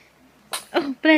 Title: Baby sneezes:)